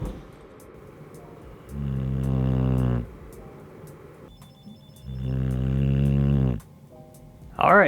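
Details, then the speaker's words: A sleeping dog snoring while camping on a cold night: two loud, low, rumbling snores about three seconds apart over a quiet room hum. "and as you can hear Soul's already snoring up a storm"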